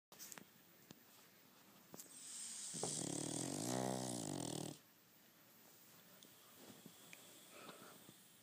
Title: Chester da pug snoring!